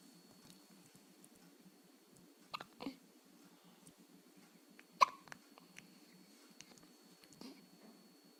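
Several abrupt, sharp gulping sounds at irregular intervals over a steady background hum, consistent with hiccups.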